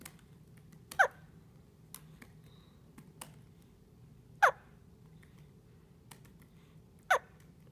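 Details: Three sharp, abrupt hiccups at irregular intervals of a few seconds, with faint clicks in a quiet room.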